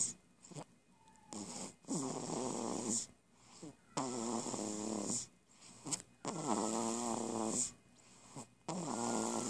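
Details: Person snoring; rhythmic, rattling, buzzy snores with quiet gaps between breaths, about 12 breaths a minute, faint high hiss in the room.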